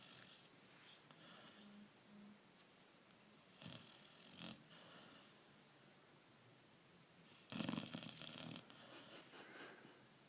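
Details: Snoring in a 4-month-old Labrador mix puppy sleeping in owner's lap: irregular snorting snore bursts with quiet room noise between them.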